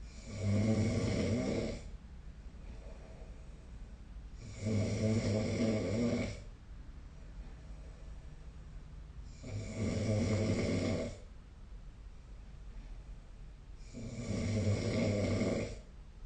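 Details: Loud, low rattling snores repeating about 13 times a minute with quiet pauses between them, recorded with the SnoreLab app.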